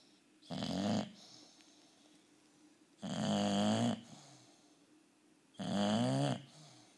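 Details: Bulldog giving loud, rough snores on breathing in, about one every two and a half seconds, with quiet gaps between: dog snoring.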